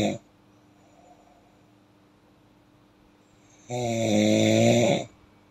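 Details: Real human snoring: after several seconds of quiet, one loud, buzzing, slightly tonal snore on a breath in, lasting just over a second, then stops.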